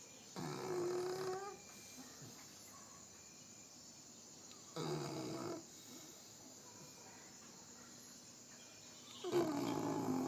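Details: 5-month-old female Pitbull puppy snoring in sleep: three soft, buzzing snores, about one every four seconds, over insect chirping.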